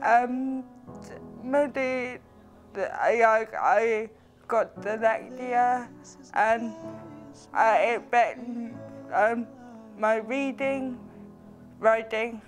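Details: Young man with cerebral palsy, which the physiotherapist says can affect speech; dysarthria (cerebral palsy).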